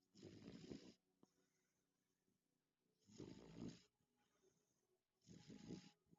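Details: Sleeping beagle snoring; soft, rough snores, three breaths spaced about every two and a half seconds, quiet between.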